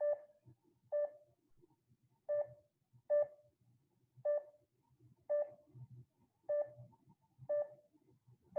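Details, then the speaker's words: Pulse oximeter tone modulation demonstration: the beep pitch is higher for SpO2 of 100 percent, then lower for SpO2 of 85 percent, since pitch falls as oxygen saturation falls. "the higher the spo2 the higher the tone the lower the spo2 the lower the tone changing tones with changing spo2 is called tone modulation it sounds like this for an spo2 of 100 percent [Music] and it sounds like this for an spo2 of 85 percent"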